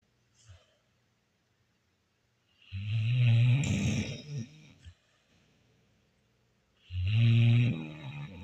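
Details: Old dog napping: deep, rattling, low snores on each in-breath, about two over eight seconds, with quiet pauses between; snoring.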